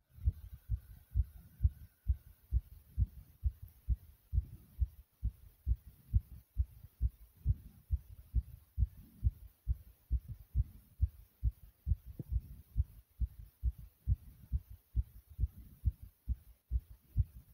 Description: In This Video my heart was Loud and Thumpy.